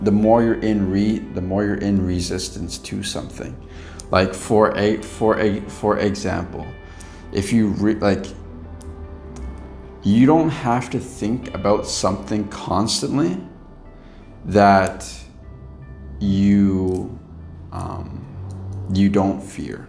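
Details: Stuttering in an adult man with lifelong stuttering that still occurs at times; he reports past blocks and current mild repetitions and prolongations.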